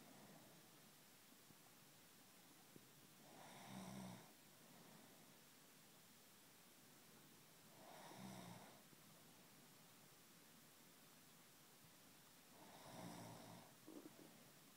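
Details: Snoring recorded by the sleeper's husband: three rough snores about five seconds apart, roughly 13 breaths a minute, with quiet breathing between them in a still room.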